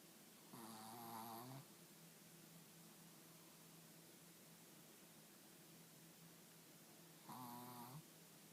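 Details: Two slow, rough, vibrating breaths about six seconds apart against a steady hum; snoring during sleep.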